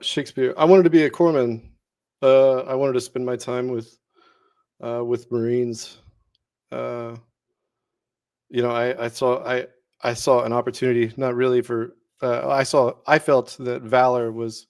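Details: Male Navy veteran whose Tourette syndrome began during service, about a year and a half in, with vocal and motor tics including involuntary words; vocal tic in Tourette syndrome.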